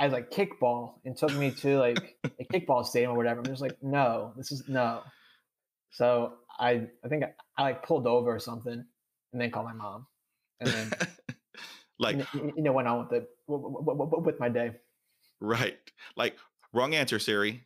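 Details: Adult who stutters, speaking in a podcast interview; stuttering.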